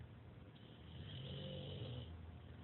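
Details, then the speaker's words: Bulldog snoring in the background while a cockatoo is being filmed. "We have a snoring bulldog in the background."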